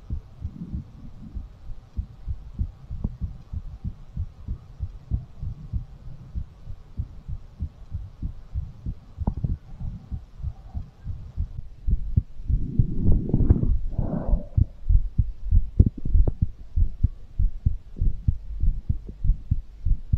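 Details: Rapid, regular, low heart thumps at about 97 beats a minute, recorded as an ASMR heartbeat after exercise: a normal fast heartbeat after exercise.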